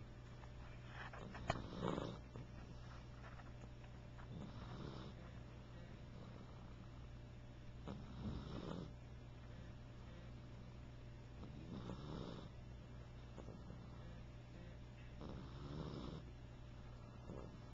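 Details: Sleeping animal snoring: soft rasping snores about every four seconds, roughly 15 breaths a minute, over a steady low hum.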